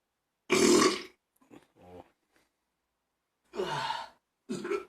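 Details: Three loud, rough burps with a few faint grunts between them; burping.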